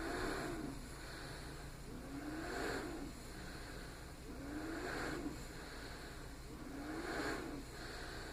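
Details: A small travel CPAP machine (DreamStation GO, AirMini or Transcend) running at 10 cmH2O with flex 3: a steady low hum with a soft rising airflow whoosh about every two seconds.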